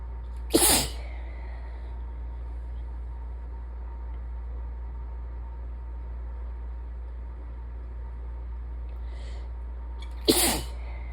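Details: Sneezing at the end of a sinus infection: two forceful, congested-sounding sneezes about ten seconds apart over a steady low hum.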